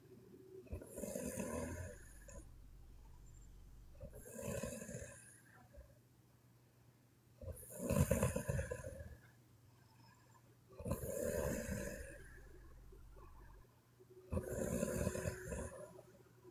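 Five loud, rattling snores about every three seconds, roughly 18 a minute, with quiet breaths between, over a steady low hum.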